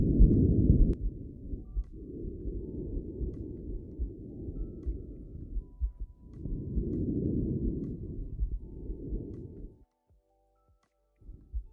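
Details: Normal tracheobronchial breath sounds.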